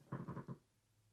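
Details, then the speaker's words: Stomach growling of an adult who has not eaten all day; borborygmi. "if you can hear my stomach growling, I do apologize. I have not ate today."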